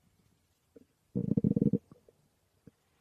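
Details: Woman's stomach growling recorded while she slept: a burst of gurgling, bubbling bowel sounds lasting under a second, with a few faint isolated gurgles around it, borborygmi.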